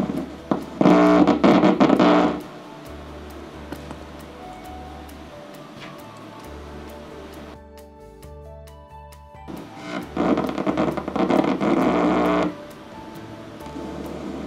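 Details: EMG monitor during Botox injection of the vocal cords for spasmodic dysphonia in a female patient: loud crackling static bursts confirm the needle tip sits within active vocal cord muscle.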